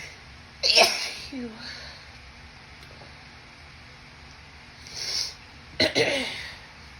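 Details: Female with spring allergies, allergy medicine worn off, sneezes induced and held in all day: two sharp, explosive, very wet sneezes a few seconds apart, failed attempts to announce them, with a brief breathy sound between, in a quiet room.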